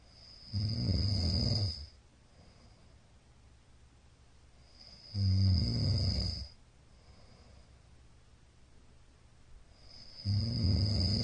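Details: Middle-aged man snoring in sleep, recorded 15 Feb 2022: loud, low, rattling inspiratory snores about 12 a minute with quiet pauses.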